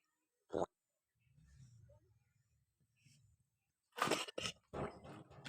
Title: coughing and stomach disturbances in goat